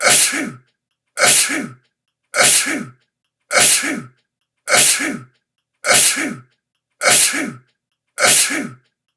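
Eight sharp, forceful sneezes in a steady row, about one a second, each a burst of airy noise, with silence between them.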